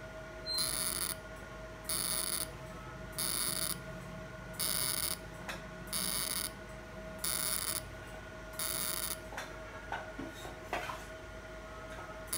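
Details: Fractional CO2 laser firing on an accidental scar on a male patient's hand, after topical anesthesia and mesotherapy: regular high buzzing bursts about every 1.4 seconds over a steady hum.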